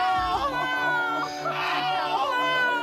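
Strong, high-pitched newborn cry in two sustained wails with a quick breath between them.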